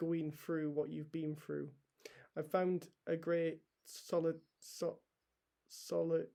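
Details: Adult male paediatric trainee doctor with a real stammer he has had for as long as he can remember; stammering.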